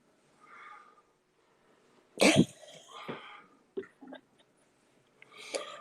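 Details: A single harsh, fairly loud cough with throat noise and quiet voices around it, from an adult with a cold who has just taken medicine; others say it does not sound like pneumonia.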